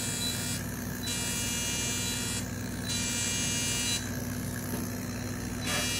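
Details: Fractional CO2 laser resurfacing of a post-burn facial scar after numbing cream, the fifth and final session: steady machine hum and buzzing with repeated high-pitched hiss bursts as the laser fires.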